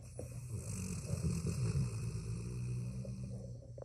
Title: rm video#1 dog snores while keeping one eye open.